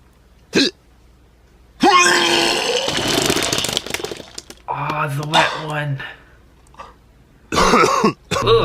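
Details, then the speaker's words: Bursts of gagging and retching with strained, groaning voiced heaves and splashing gurgles between quiet gaps, played as a sample of someone vomiting; vomiting/retching. "now we got one that it's also a poplar annoying one that makes you sick hearing people vomit and I know this would get to me"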